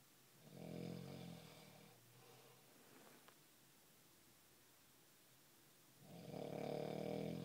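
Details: Two low, rattling snores on inhalation separated by a quiet pause of about four seconds; ordinary snoring.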